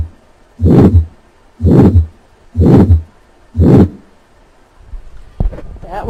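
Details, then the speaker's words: Teaching recording of a patient with aortic stenosis: three normal beats, then a loud, harsh systolic murmur, heard at the second right intercostal space with the stethoscope diaphragm, regular rate about 60 per minute. "the murmur of aortic stenosis is systolic and harsh and quality and is heard at the second right intercostal space with the diaphragm of the stethoscope"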